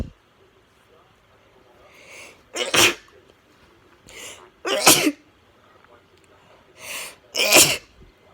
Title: Forceful sneezes